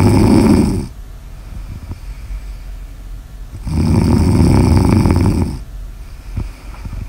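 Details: Snoring ASMR audio recording: loud, coarse snores on breathing in, with quieter breathing out between them; ordinary snoring during sleep.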